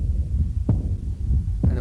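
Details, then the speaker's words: Imitation made by pressing a stethoscope diaphragm into the palm inside a fist; two brief fading blowing swishes over a low rumble, mimicking the early diastolic decrescendo murmur of aortic regurgitation. "what you hear is blowing dick crescendo murmur and you hear that aortic regurgitation."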